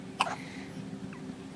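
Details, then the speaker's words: A single short, sharp hiccup from a baby over quiet room hum; infant hiccups. "you got the hiccups"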